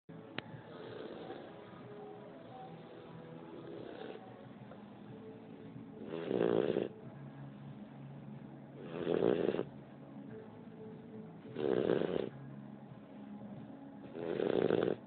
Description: Our Great Dane puppy Noa (12 weeks old at the time) snores a bit...cutie!